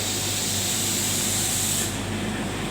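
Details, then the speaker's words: Loud, steady rushing hiss from the air compressor of a Schiller Neumovent ventilator during a teaching demo, cutting off near the end. Ventilator air compressor noise. "अभी आपने देखा होगा पीछे से आवाज आ रही आ रही ना अचानक व आवाज चली गई उसका कांसेप्ट क्या है देखिए य एयर कंप्रेसर है"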